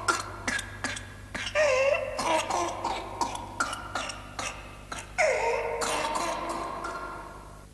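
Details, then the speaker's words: Whooping cough (pertussis), a disease putting every child under six at risk, in a 1980s health-education public information film; runs of short coughs broken by high-pitched, drawn-in whooping breaths. "whooping cough is a disease that spreads easily and puts every child under six at risk"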